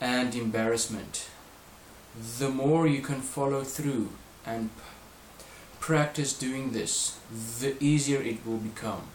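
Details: Adult male reading aloud; stuttering (fluency-shaping slow speech).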